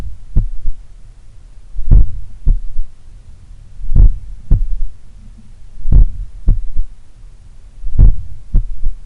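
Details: Slow, strong heartbeat, about 30 a minute, recorded at the apex in the morning lying on the left side; soft extra low thud after the second sound, a three-part gallop rhythm: third heart sound (S3).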